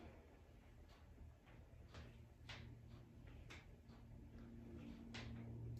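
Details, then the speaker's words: Knee and ankle crepitus during bending and straightening both knees with chair support: several sharp, quiet clicks and cracks over low room hum; painless, per the person. "You can hear my ankle and knee cracking. So my rule of thumb as a professional is if it's cracking and it doesn't hurt, don't worry about it."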